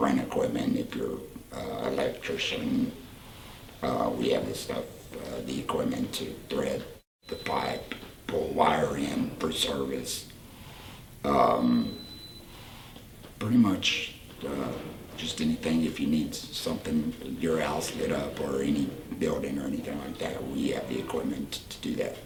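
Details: Tracheoesophageal speech in a 38-year-old man after laryngectomy for cancer about four years earlier, using a voice prosthesis with an HME, fitted after a later operation to stretch his esophagus.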